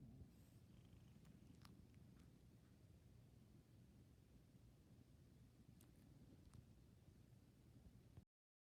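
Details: Low, steady rumbling breaths with a few faint clicks from a sleeping Maine Coon cat, possibly dreaming; soft snoring.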